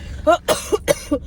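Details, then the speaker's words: Four short, harsh cough bursts in quick succession during an asthma flare, while the person nervously searches for their inhaler on the way to a tumor removal. "you guys are just sitting here watching me trying to find my inhaler and I can't find it"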